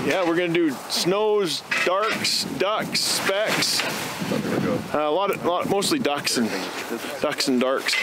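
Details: Adult man speaking outdoors; Normal voice.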